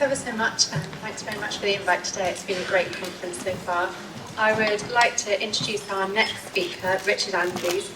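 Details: Adult woman; normal speech.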